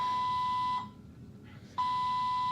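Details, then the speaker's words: IV infusion pump alarm in hospital after an emergency caesarean section, still going off while the mother waits for the nurse: steady mid-pitched electronic tone, a one-second gap, then resuming. "so yep it's still going off and I just have to call for the nurse just one of the many things we have to deal with"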